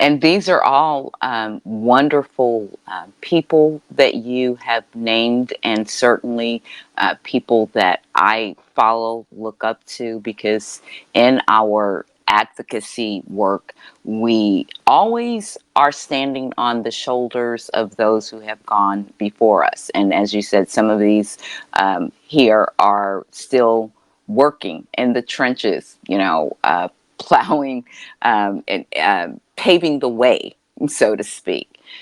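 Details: Adult speaker; typical speech.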